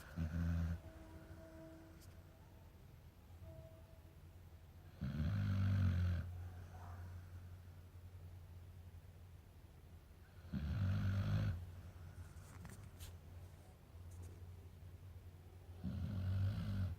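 Deep, rumbling snores from a sleeping large dog, about 11 a minute, with quiet breathing between them.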